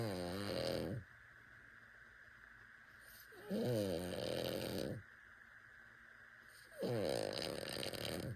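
Three loud, rattling snores about 3.5 seconds apart, roughly 18 a minute, with quiet exhalations between them; a sleeping infant snoring.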